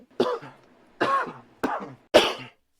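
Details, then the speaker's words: Four short, harsh coughs in quick succession from an adult man very close to the microphone. "I hit the browser and left the mic unmuted and coughed directly into the into the mic"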